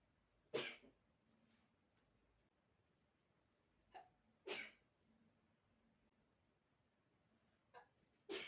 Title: it feels so good to sneeze